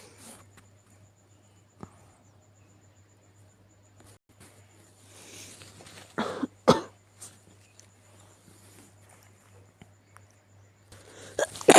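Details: Sick cat coughing (sneezing also noted): a few short, harsh cough bursts amid quiet room sounds.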